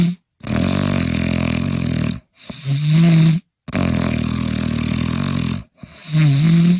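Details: Loud, rough, low snoring on each in-breath, each followed by a voiced groaning out-breath, about 18 breaths a minute, from a snoring compilation; snoring.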